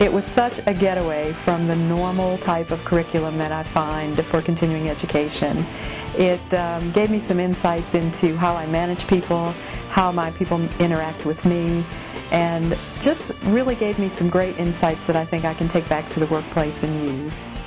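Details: Adult speaker; normal fluent speech.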